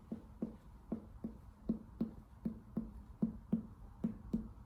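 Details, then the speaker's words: Finger percussion of the chest in a medical semiology demonstration: resonant notes over the lung, then a change to a dull (submaciço) note near the liver. "Lembra também que perto do fígado aqui, o som ele pode ter uma característica diferente. Percebam. Pulmão, pulmão, pulmão. Aqui mudou a característica. Aqui já é um som submaciço, né?"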